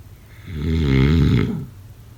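A single low, rattling, rumbling breath sound about a second long, typical of a snore.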